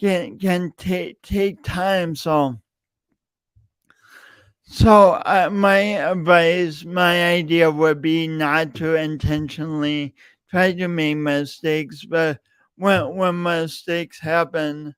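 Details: Real, self-reported speech impediment in an adult male, present for years and heard whenever he speaks; stuttering (speech disfluency).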